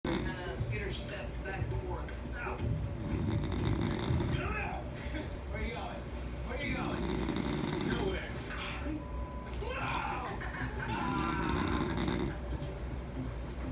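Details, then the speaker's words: Adult man's snoring: loud, rough, rattling snores in repeated long bursts, with a television or music playing in the background. "It Huh? sucks the strength How you of feeling life for? right out of you. Cause you snoring so loud."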